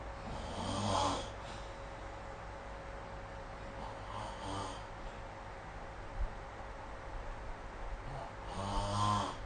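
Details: Three rumbling snores about four seconds apart, roughly 15 breaths a minute, over steady room noise, recorded on a phone with the SnoreLab snoring app.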